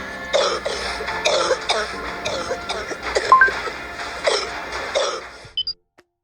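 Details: Cough recording from a COVID-19 patient, played in a discussion noting COVID-19 cannot be distinguished by cough sound: a run of short, dry-sounding coughs over background music; cough in COVID-19.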